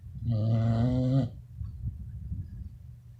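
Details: Beagles sleeping and snoring: one long, low, rumbling, droning snore of about a second, followed by quiet breathing noise.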